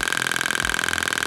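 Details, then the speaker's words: Rapid, steady mechanical tapping pulses over a constant whine from a shockwave therapy device used for tendonitis, demonstrated starting slow at level 1 and turned up toward 22 Hz; shockwave therapy device. "Very slow. Sound waves are coming out of the end of this. And if I want to turn it up, and it's for different areas, I go higher, higher, higher, and higher."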